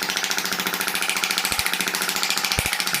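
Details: Radial shockwave therapy over the elbow for tennis elbow in a patient with thickened distal tendons; pressure about 100–110, frequency set high. Rapid, steady train of hard clicking pulses at roughly fifteen per second.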